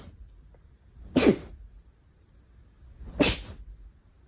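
Two sharp, airy sneeze bursts about two seconds apart against quiet room noise.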